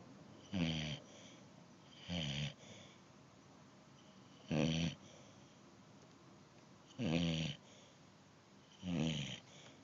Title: Waking up a snoring Tebow.